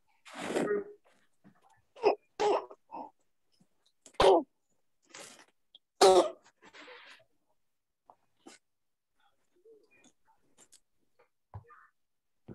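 A young child gives a run of harsh, barking, seal-like coughs with quieter noisy breaths between them, typical of croup.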